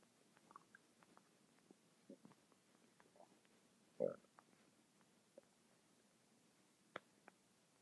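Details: Stomach noises reportedly going non-stop for 10 minutes: soft, scattered gurgles and clicks in a quiet room with one louder gurgle partway through; ordinary bowel sounds (borborygmi).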